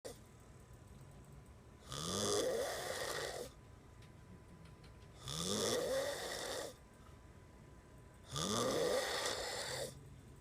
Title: Snoring ngáy ngủ